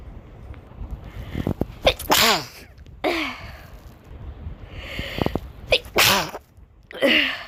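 Several loud, explosive sneezes, each led by a quick sharp intake of breath, with noisy breathing between bursts; ordinary sneezing.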